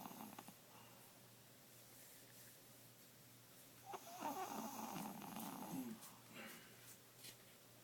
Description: This is Bunnie the 12 year old 5lb Pomeranian. He's snores like an old man.